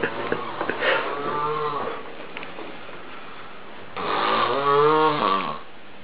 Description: Wow...he sure can snore